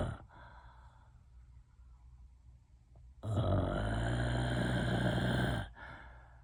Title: The world of Snoring…